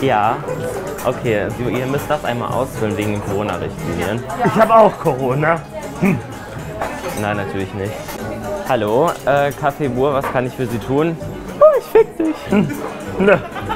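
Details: Vocal tics in a man with Tourette syndrome working as a café waiter, speaking German on a phone call and seating guests, with an inappropriate tic phrase intruding into his speech.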